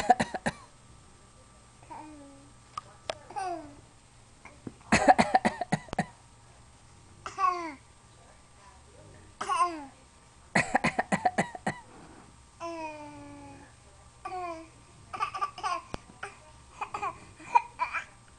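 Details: A young child deliberately fakes coughs: short bursts of voluntary coughing mixed with playful babbling and squeals.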